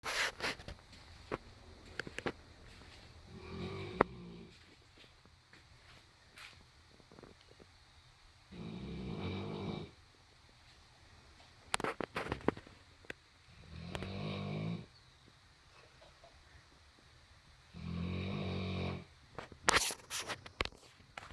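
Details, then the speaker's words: Sleeping dog snoring heavily: four rattling snores about every five seconds, roughly 12 breaths a minute, faint room noise; snoring. "Lola, were you sleep? Were you snoring? Were you snoring? Do you need a CPAP?"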